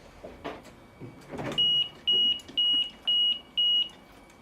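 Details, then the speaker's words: Portable transport ventilator in an EMS demonstration, breathing circuit deliberately kinked off on the same patient setup: five loud, evenly spaced high-pitched high pressure alarm beeps, about two a second, with resulting low minute volume. "So yeah, if we kink it off, you're going to get high pressure alarms. See, it's right there. It beeped, I silenced it, but that's why you're getting, low minute volume because it's not pushing anything through."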